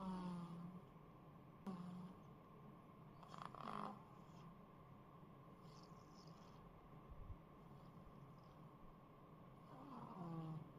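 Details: Baby snoring heavily; snoring.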